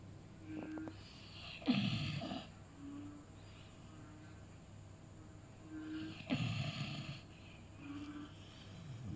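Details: Beagle snoring, a sleeping dog's snoring sound.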